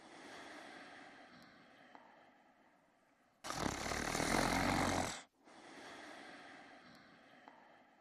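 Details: Two sleepers snoring; a single harsh, rasping snore stands out between quieter noisy breaths during sleep.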